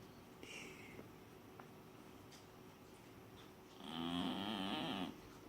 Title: Cat snoring loud